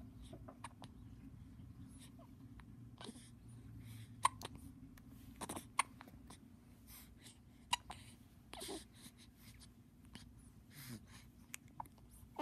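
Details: Hiccups: several short, sharp clicking catches at irregular intervals over a soft, steady background hum.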